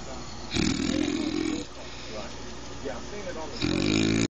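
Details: Adult woman (wife) snoring: two loud, rattling, low-pitched in-breaths separated by quieter breathing; TV adverts in background.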